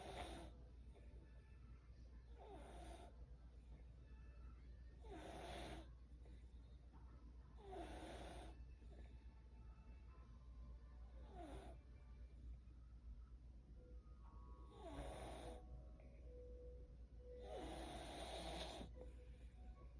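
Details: Snoring during sleep: repeated rough, snorting breaths roughly every two to three seconds over a steady background hum.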